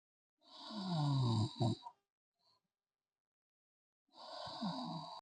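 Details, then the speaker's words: Student snoring in a hostel during sleep: two loud, rough, rattling inward breaths separated by a silent pause. "I couldn't sleep because of the sound echoing in my head is hilarious"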